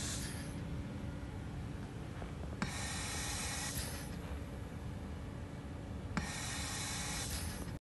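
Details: Prototype Oxford/King's College rapidly deployable ventilator for Covid-19, driven by 4-bar air through a solenoid valve compressing an ambulance bag, tidal volume reduced from 450 to about 400, I:E ratio 1:2; cycles about 17 breaths a minute with short hissing pushes and longer pauses.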